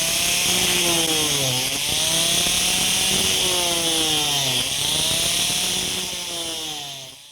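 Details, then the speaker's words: Loud, steady high-pitched motor whine with rising and falling pitch sweeps: an oscillating cast saw cutting through a short arm cast, blade vibrates so it won't cut skin; orthopaedic demonstration for medical students. "เครื่องตัดจะทำงานในลักษณะของการสั่นดังนั้นเมื่อใบเลื่อยไปสัมผัสผิวหนังของใครจะไม่บาดเข้าไปในผิวหนังของไข้ก็อ่าตรวจเครื่องตัดเสียบครับ"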